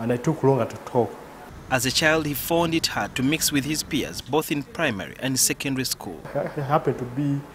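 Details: Adult male speaker; ordinary speech.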